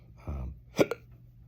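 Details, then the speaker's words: Adult on day 4 of persistent hiccups since Wednesday night, seen in the ER, throat raw; after 24 hours each hiccup became a double hiccup, a main one followed by a smaller second. "my throat is raw uh just from the thousands T tens of thousands of hiccups have had to endure"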